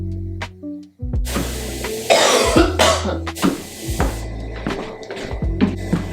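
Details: Several harsh bursts of coughing over steady background music from an adult woman still recovering from an illness with fits of coughing and a hoarse voice, recorded during her 30-day walking pad challenge.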